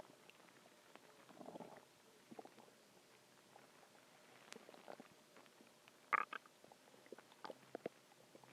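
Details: A few hours after a huge meal (cheeseburger, fries, eggs, onion rings, cheese stick, chicken tenders): soft scattered gurgles and brief clicks with one louder bubbling burst; stomach growling, borborygmi.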